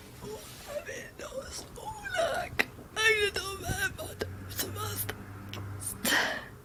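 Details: Patient with adductor spasmodic dysphonia before botulinum toxin treatment; jerky, very pressed, groaning voice.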